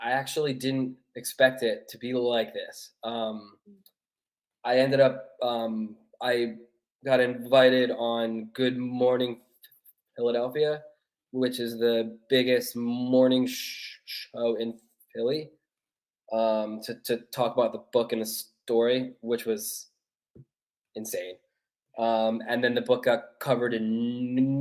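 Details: Adult man who has stuttered since childhood, a neurological condition he says is worsened mostly by nerves, speaking English; stuttering.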